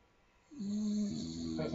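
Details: Small Staffordshire Bull Terrier snoring unusually loudly: a drawn-out droning breath with a rough, buzzing tone; snoring.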